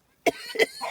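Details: An adult person coughing while pet geese watch: two sharp, fairly dry coughs in quick succession.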